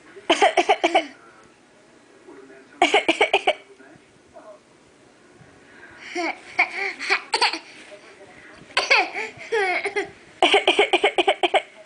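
Five bouts of quick, forced coughs, exaggerated and theatrical, consistent with deliberately faked coughing.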